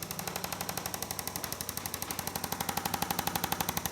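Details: Rapid, even mechanical tapping at about four beats a second from a percussive chiropractic adjusting instrument used with the patient seated, slight pitch change; patient with years of back pain, lumbar restriction.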